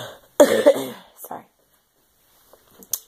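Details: Adult woman with bronchitis diagnosed at the ER the day before, also an ear infection and hoarse voice: one harsh, rough chesty cough with a voiced, drawn-out tail, then a weaker second cough.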